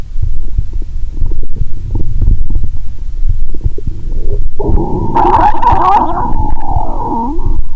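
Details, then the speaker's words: Stethoscope on the abdomen while lying down, after cola with Mentos: loud low rumbling and bubbling, then a drawn-out, squeaky, wavering gurgle, its tone described as sounding dissatisfied; active bowel sounds. "सामान्य के विपरीत, स्वर असंतुष्ट😅 लगता है।"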